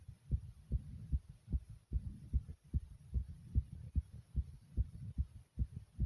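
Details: Fast, regular low heart thumps about 146 beats a minute with faint hum, a racing heartbeat said to later slow to normal pace, not slowing in this stretch; tachycardia.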